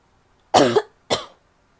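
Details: Woman coughing: two short harsh coughs in a quiet room.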